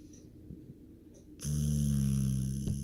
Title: snoring